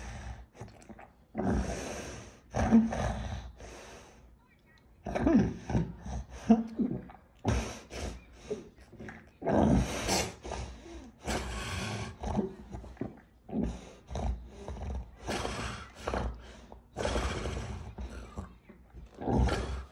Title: Tonic clonic seizure and postictal period